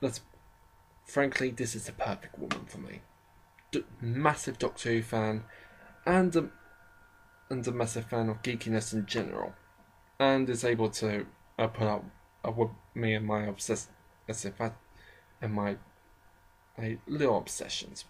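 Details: Adult man with a self-described slight stammering problem, shown as occasional stammers and pauses; stuttering.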